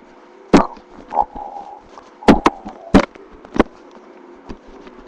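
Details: Irregular gurgles and sharp pops with a short rumbling tone over a steady hiss; stomach growling, bowel sounds (borborygmi).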